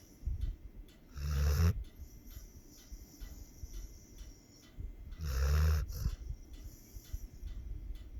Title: A snoring pitbull...CUTE & FUNNY